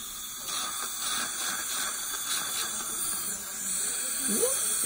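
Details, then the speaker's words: Dental sealant on tooth #30: after the etchant has been on for 20 seconds, water is sprayed across the tooth into low-speed suction, giving a steady hissing spray with suction gurgling. "all right so it's been on there 20 seconds you see how i'm gonna spray the water across the tooth into the suction i use um"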